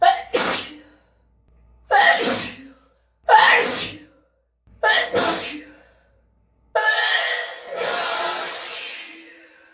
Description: Spraying sneezes in a dark room, trying to catch the aerisolized mist and droplets in the light.